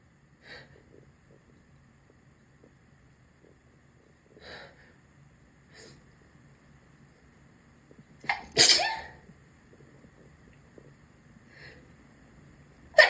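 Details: Sneezing from bathroom body wash: several soft sniffs or snorts, then one loud sneeze and the start of another near the end.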